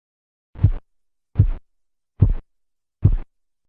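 Four regular low thumps at about 72 a minute, the first Korotkoff sounds marking systolic pressure.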